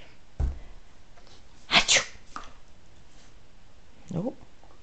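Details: Australian Cattle Dog sneezing on cue, a trick still being trained: a few short, sharp sneezes including a quick double burst, in a quiet room.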